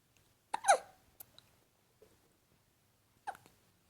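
Two sudden, brief hiccup sounds about three seconds apart in a quiet room.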